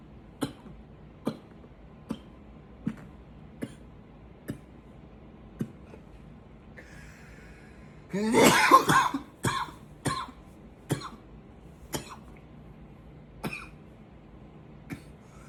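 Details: Intense coughing: about a dozen sharp single coughs with one longer harsh coughing burst in the middle.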